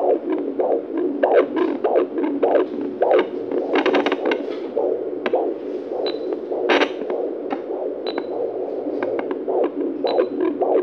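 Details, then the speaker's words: Fast, rhythmic whooshing fetal heartbeat picked up at home with a handheld Doppler on the mother's abdomen at 36 weeks of pregnancy, recorded by phone, over soft background music. "eu vou tentar mostrar para vocês como eu ouço pelo duper o coração do bebê vamos lá"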